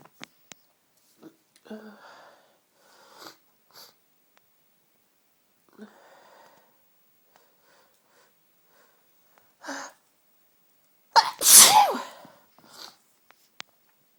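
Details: Sneezing fit from a cold: quiet sniffs and breaths, then two sharp, strong, tickly sneezes, the last loud and forceful.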